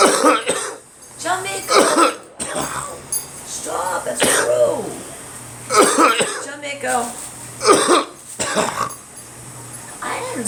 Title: Me coughing on a cold